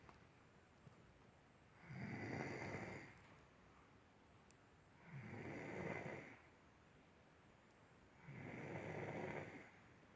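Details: Three steady, rumbling snores on breaths in, about 19 a minute, with quiet pauses between them. Snoring.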